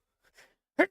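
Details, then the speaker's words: Adult male streamer sneezes into the microphone by accident: a short inhaled build-up, then one sharp, explosive sneeze burst close to the mic; sneeze. "i did not mean to sneeze into the mic that's what it sounds like when i sneeze like i'm getting punched in the face"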